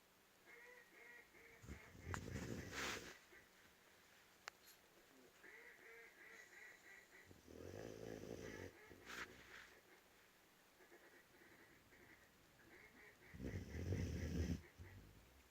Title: Lab puppy sleeping and snoring